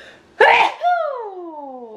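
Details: Girl sneezing, tagged allergies and sinuses: a single sharp sneeze burst, then a brief falling voiced sound.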